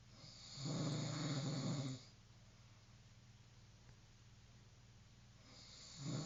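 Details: Snoring: two low, rumbling snores separated by a quiet pause, with a steady faint hum in the background.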